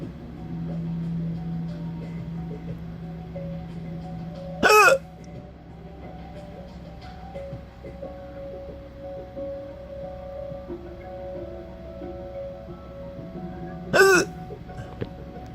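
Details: Hiccups recorded on a Galaxy S5 phone, three small clips combined: two abrupt, sharp hiccup sounds about nine seconds apart over a steady low background hum.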